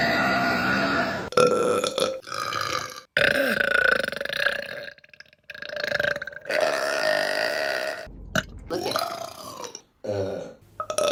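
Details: Women burping, from a compilation: several loud, long, rumbling belches in a row with short pauses between them; repeated burping.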